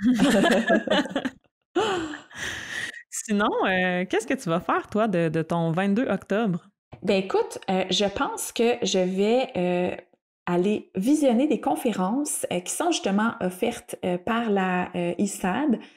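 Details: Stuttering in an adult woman who stutters, speaking spontaneously in French in a podcast conversation.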